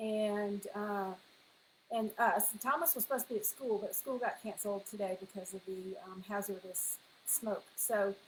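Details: Adult woman speaking; ordinary speech.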